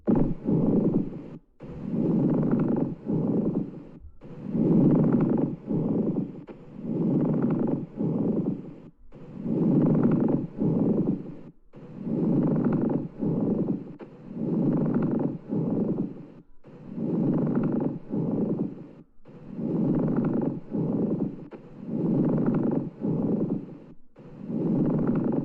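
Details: Lung sound quiz example of an abnormal breath sound: harsh, dry, grating bursts repeating with each breath, about 24 per minute, with brief quiet gaps between them: a pleural friction rub.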